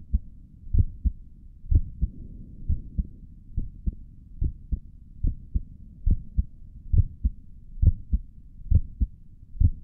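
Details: Normal heart sounds recorded through a stethoscope on own chest for ASMR, stomach gurgles noted elsewhere in the recording: steady paired lub-dub beats at about 67 a minute, clear and regular.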